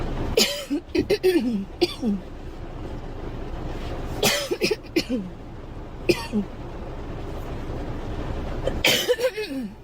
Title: Girl coughing 208